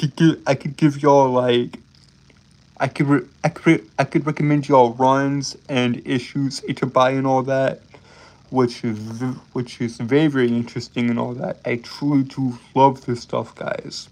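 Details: Adult male streamer with a self-described speech impediment causing stuttering and tripping over words; stuttering.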